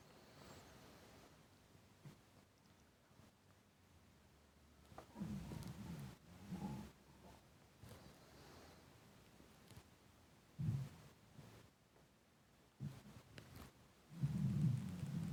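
Irregular low gurgles and rumbles in bursts over quiet background, normal stomach rumbling from hunger.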